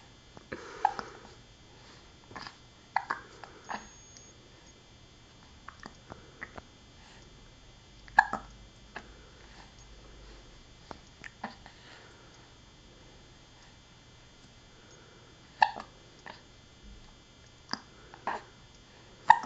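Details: Baby with hiccups: brief, sharp, irregular little catches every few seconds in a quiet room; infant hiccups.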